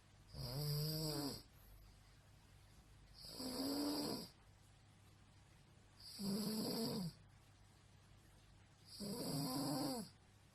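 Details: Woman roommate snoring nightly: four loud rumbling snores on in-breaths, about 21 breaths a minute, quiet exhalations, steady room hum; habitual loud snoring.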